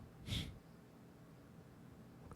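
One short, sharp burst of air with a hiss, then quiet room noise; a single sneeze.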